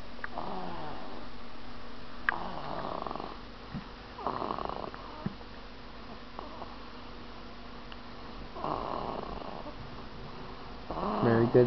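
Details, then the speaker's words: Baby girl snoring while asleep on her father's tummy: light, rattling snores in short bursts every few seconds, with faint room noise. "oh my baby girl geneva thanks for making noise when she sleeps snore is just like your mommy"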